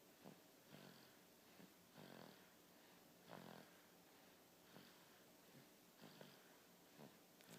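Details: A 3-month-old boy snoring: soft, irregular snorting breaths about every second or so, with a faint hiss between them.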